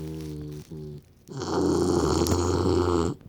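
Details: Short low groaning sounds, then a loud, rough, rattling snore lasting almost two seconds; snoring.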